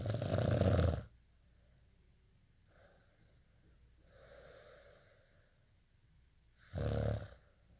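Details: Snoring during sleep: two harsh, snorting snores about six seconds apart, with softer breathing between them.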